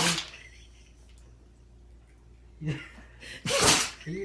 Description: My dog went into a sneezing fit after getting water up her nose.